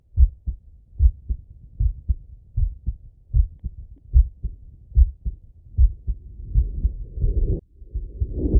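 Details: Male heartbeat heard on stethoscope auscultation with breathing: a low, regular lub-dub at about 73 a minute, with soft breath noise rising toward the end; normal heart sounds with breathing.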